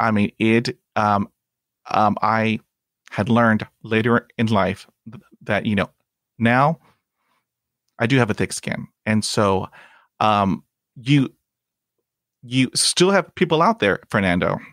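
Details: Stuttering in an adult man who stutters, speaking English; he reports blocks and repetitions in his own speech.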